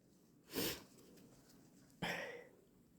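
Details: Induced hay fever sneezing: two quick, very wet, spraying sneezes about a second and a half apart, with room hiss between.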